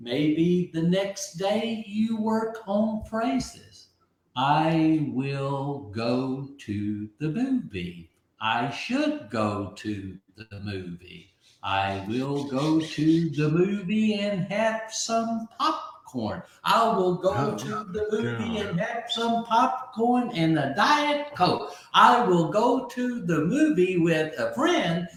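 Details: Aphasia in a man who had a stroke at age 62, about 15 months earlier; at first he could not read, write or talk, and he relearned speech syllable by syllable.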